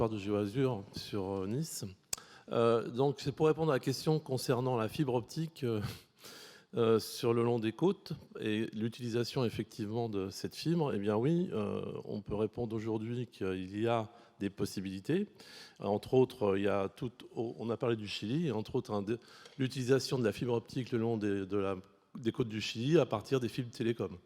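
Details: Adult male speaker; Normal voice.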